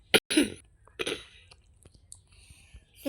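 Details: Two short, fairly wet coughs from a child who is sick with a mild fever and a runny nose, then quiet room sound.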